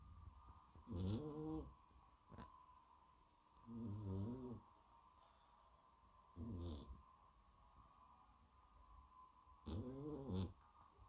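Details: Sleeping exotic (flat-faced) cat: loud rattling snores with each breath, about four in eleven seconds, over a steady background hum; snoring.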